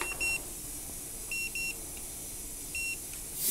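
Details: Dental X-ray unit giving high electronic beeps at exposure while a bicuspid-area radiograph is taken in a full-mouth series on a returning dental patient; normal device signal.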